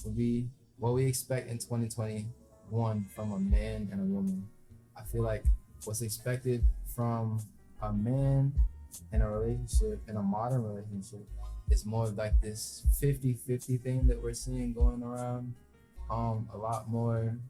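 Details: Adult male speaker; normal speech.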